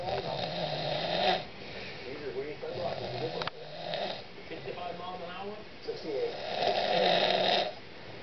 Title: snoring